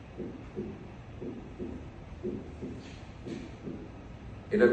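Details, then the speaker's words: Normal first heart sound at or just outside the apex: the first component is louder and the second not evident, so each first sound is a single thump; steady heartbeat near 57 a minute. "En estos casos, a nivel de la punta o algo por fuera de esta, el primer componente es más intenso que el segundo y el segundo componente habitualmente no es evidente. De manera que el ruido parece ser único."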